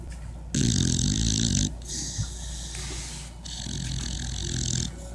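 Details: Snoring while sleeping beside its owner: loud, rough, rattling snores in long drawn breaths with brief pauses between them.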